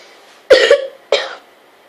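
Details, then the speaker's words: Two sharp, harsh dry cough bursts in quick succession from an adult with asthma battling a nasty cough, recorded while on the toilet; gets an injection every October, not yet received this year. "I've been battling out a nasty cough. I have asthma, so every October I have to go get an injection."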